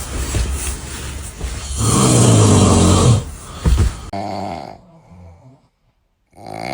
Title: Babies Hearing Snoring for the First Time